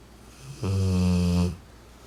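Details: Rottweiler sleeping on his owner's lap, 40 days after a hemangiosarcoma diagnosis and splenectomy: a single deep, rumbling, buzzing snore lasting about a second in a quiet room; snoring.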